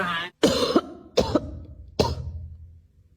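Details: A cat sneezing: three sharp explosive bursts about a second apart after a brief voiced lead-in, a run of sneezes.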